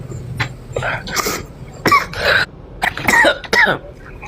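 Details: Adult woman, still sick, coughing during a livestream; several rough coughs and throat clearing with voice and street noise behind.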